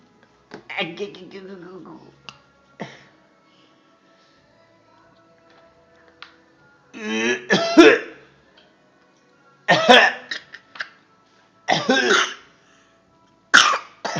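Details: Infant coughing: a brief voiced sound, then four short, separate coughs, some with a voiced edge.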